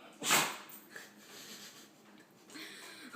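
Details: Dog that can't stop sneezing: a single sharp nasal burst, a sneeze or snort, followed by quiet breathing and faint room noise.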